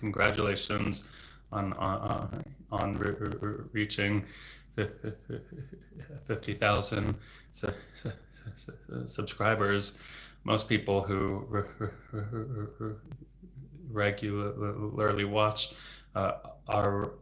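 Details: Stuttering with sound and word repetitions in an adult male speech-language pathologist who has stuttered since about age eight or nine; severity varies from day to day.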